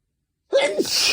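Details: Induced sneezing in a male whose nose is sensitive from cold weather: a single forceful sneeze with a brief voiced intake, then an explosive hissing release; an ordinary sneeze.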